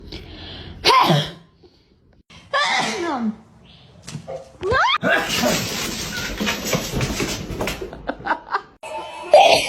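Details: A person sneezing near their cat: several loud bursts including a sneeze, mixed with laughter, coughing, talk and background music.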